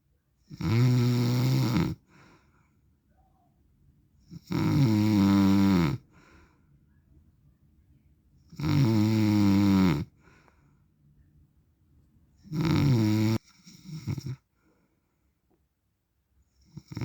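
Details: Loud, rattling, low snores on each breath in, about 15 a minute, with quiet pauses between; steady sleep snoring in an adult man (described as dad/husband), real recording.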